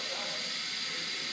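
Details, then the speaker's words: Homemade dental chair suction system running after the suction tip is lifted, releasing a microswitch that opens a solenoid valve: steady loud airy hiss without pauses as air is drawn through the saliva ejector. "when you pull this off the suction starts working but how how does it start to work this section behind this suction a tube there is a small switch here when i touch that switch it will stop working when i release it it will work"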